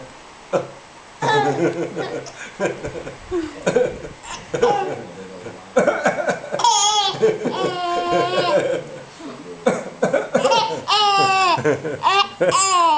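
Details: A grandfather gives a run of short, harsh coughs, and his almost nine-month-old grandson answers with high, bright laughter.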